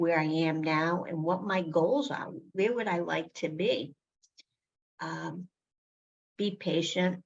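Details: Adult woman living with aphasia, with word-finding difficulty when naming a store: aphasia.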